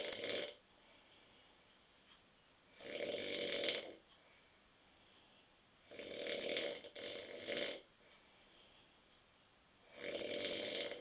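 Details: Adult husband asleep on a sofa at 9.30 p.m. after too many beers: loud, rough snores on each in-breath, about four in eleven seconds with quiet gaps; ordinary snoring during sleep.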